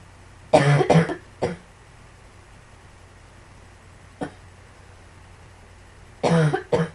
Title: Some more coughing